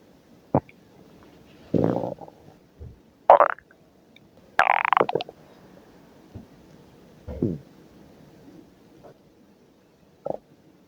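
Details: Irregular gurgles, rumbles and squeaks from the belly at work: ordinary stomach growling (borborygmi).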